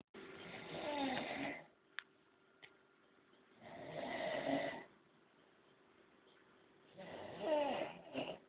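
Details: Chango snoring, deeply asleep and worn out; three rough, fluttering snores about three seconds apart in a quiet room, roughly 19 a minute.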